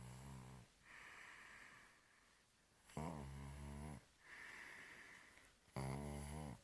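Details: Sleeping baby girl snoring: soft, rhythmic snoring breaths, about 22 a minute, with a slight whistling quality on each breath.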